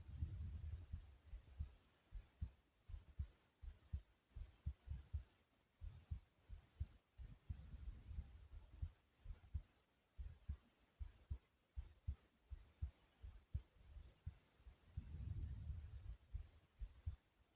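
Soft, regular low thumps of a resting heartbeat, roughly 70 beats a minute, with occasional low rumbles.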